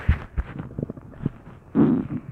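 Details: A person's stomach growls on Thanksgiving: low gurgling bursts and a brief rolling rumble from the belly, ordinary borborygmi, a normal gut sound.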